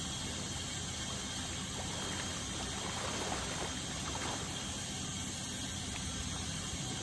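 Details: Ultrasonic dental scaling to remove tartar during a dental cleaning: steady high-pitched hiss with water spray and suction gurgling.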